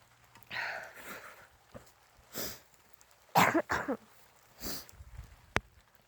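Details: Adult sick with a cold, outdoors in the rain while camping: short sniffs and a quick cluster of harsh coughs.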